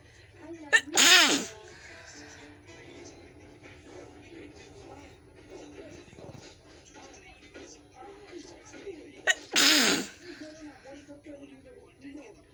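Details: Two loud explosive sneezes about eight seconds apart over quiet background music or TV, recorded for a sneezing and nose-blowing challenge video about a runny nose; repeated sneezing.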